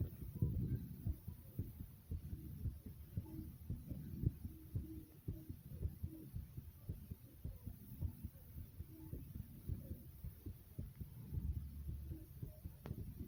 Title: My Brief Heartbeat Recording ❤❤